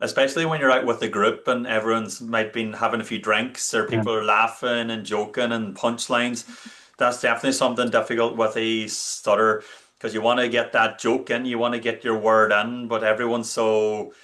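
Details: Adult male speaker; fluent speech.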